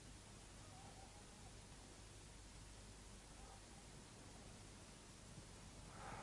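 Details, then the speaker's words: Pathologically diminished vesicular breathing from fluid in the pleural cavity: very faint, soft breath sounds over a steady hiss. "патологическое ослабление везикулярного дыхания наблюдается при скоплении жидкости плевральной полости"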